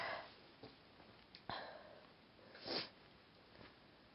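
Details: A few short sniffs and breathy bursts in a small quiet room, the loudest a sneeze-like expulsion near the end: deliberately self-induced sneezing attempts, which the person says weren't working.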